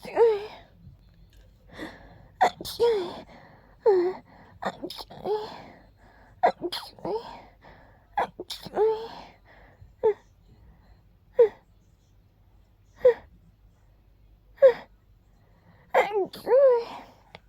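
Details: Deliberately gentle, girly, breathy sneezes: a long run of sneezes, each a breathy voiced intake and a sharp release, in a quiet room.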